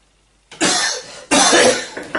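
Two loud, harsh cough bursts from an adult, acted for comedic effect.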